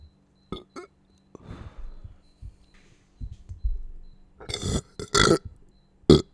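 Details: Burping after a meal: low gurgling throat sounds building into three loud, rough burps near the end, with soft room noise; belching after eating.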